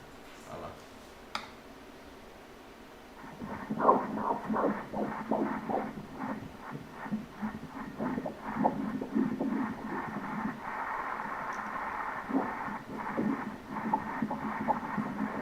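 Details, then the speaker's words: Normal fetal heartbeat on Doppler ultrasound in a pregnancy continuing with an IUD inside the uterus; rapid, regular whooshing pulses at 162 beats per minute, within the normal range. "Heart rate is in.. One hundred and sixty-two, 1-6-2, 162 beats per minute"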